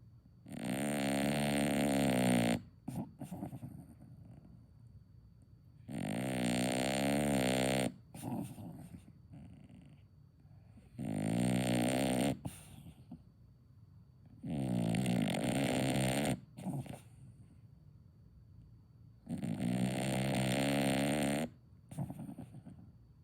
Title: Who? Me? Snoring? Snore Doggy Dog 🐶 Please Subscribe ❤️#funny,#shorts,#DogVideos,#viralshorts